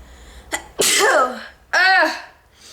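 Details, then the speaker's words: Person deliberately forcing out a sneeze onto a disc: a quick in-breath, then two sharp, loud, voiced sneezes close together; a double sneeze followed by tearing eyes. "I was like you know what I'm just going to do a video so and I'm going to force it out cuz I like really need to sneeze"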